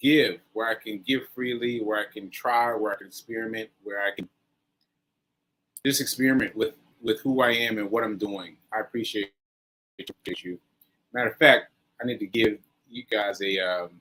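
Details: Post-stroke aphasia in a male, stroke on 7/14/22, recorded about a year later during ongoing recovery; word-finding difficulty with fillers and restarts.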